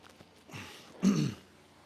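A soft rasp, then a short, loud, low guttural burst from the throat; a throat-clearing sound, with quiet room noise around it.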